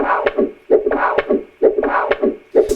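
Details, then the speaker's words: Doppler heartbeat sounds recorded from an adult's own heart during an echocardiogram: rhythmic whooshing pulses at about 65/min, repeating as a loop. "so this is my own heart and much less fun getting your heart checked for a problem than listening to the sound of a baby's heartbeat let me tell you"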